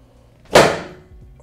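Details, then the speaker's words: Chiropractic drop-table adjustment of the sacrum in a Brazilian female patient with mild hyperlordosis; the drop piece is used to help move the sacrum forward, giving one sharp loud thud as it releases, with no distinct joint crack. "a gente vai jogar tudo bem tem um pouquinho de hiperlordose acaba sendo um pouquinho mais difícil de jogar o saco pra frente então eu vou utilizar o drop de positivo para a gente conseguir jogar um pouquinho mais"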